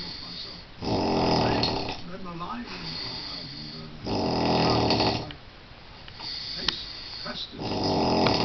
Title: Incredibly loud snoring